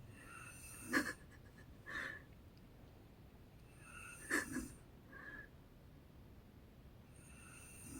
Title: My Mom Snores like an Elephant